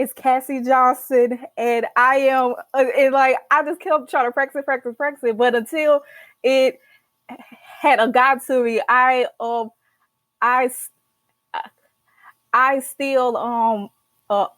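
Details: Stuttering in an adult woman, a senior college accounting student who stutters and began speech therapy in college.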